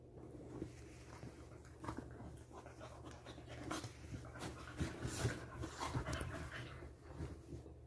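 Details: Dog panting after hours of playing outside, before bedtime: soft, rapid, irregular breathing, roughly 150 breaths a minute, with faint room noise.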